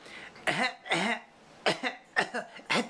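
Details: A little boy with a slight cold gives about five short, deliberate fake coughs on request, a playful voluntary cough rather than an illness cough.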